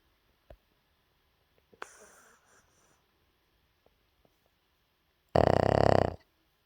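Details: Young dog sleeping after a rough day of playing, snoring loudly: near silence with a soft snort, then one loud, rasping, fluttering snore under a second.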